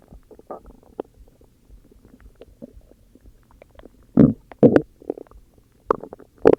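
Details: Stomach growling: irregular gurgling and rumbling bursts from the belly, some loud, as gas and fluid move through the gut.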